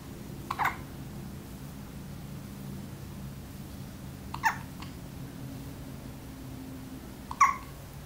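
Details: Newborn baby with hiccups: three brief, sharp hiccup sounds about three seconds apart over a low room hum.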